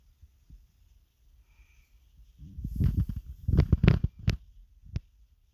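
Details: Hunger growls of the stomach: a low rolling growl building into a burst of gurgling rumbles, then fading.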